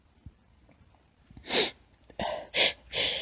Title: Girly Sneezing (Stifles, Tiny, Squeaky) (F)